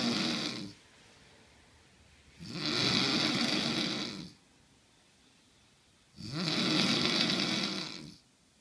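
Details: Adult man (husband) snoring: loud, harsh snores with long quiet gaps between them, about 16 breaths a minute; snoring.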